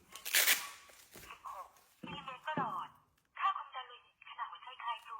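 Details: Thai-language synthetic voice from a rechargeable wrist blood pressure monitor with an LCD screen reads out the results after a click and noise, during a one-button home measurement; blood pressure monitor voice readout.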